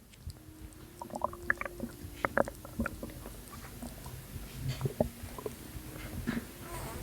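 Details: Postpartum woman's abdomen, with her stomach still not going down: irregular wet gurgles and squelching pops over a quiet background; abdominal gurgling.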